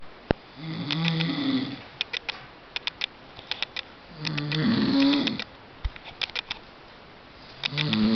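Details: Snoring: rough rattling snores on the in-breath about every 3.5 seconds, with clicking sounds between them.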